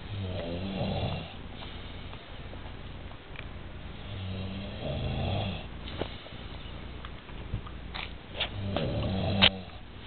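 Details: Rattling, rumbling breaths repeating every few seconds over room noise, from an adult napping after a large Sunday lunch out: snoring.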